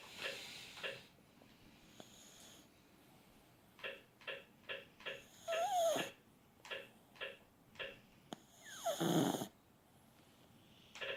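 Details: Chihuahua snoring irregularly with short snorts and a squeaky, whistling breath, about 18 breaths a minute, in a quiet room.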